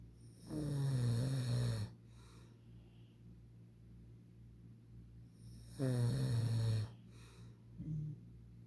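Two loud, low, rattling snores on inhalation about five seconds apart, with quiet breathing between them. Snoring.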